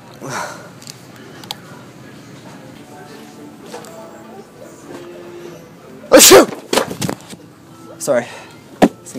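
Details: Fake sneezing prank in a store; two or three loud, deliberately overdone sneezes amid quiet room sound and brief voices. Simulated sneezing.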